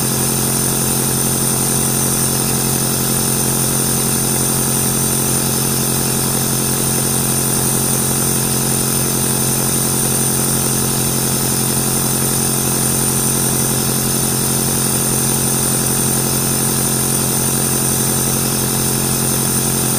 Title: NEBULIZER sound FOR BABY, white noise TO SLEEP CALMLY all night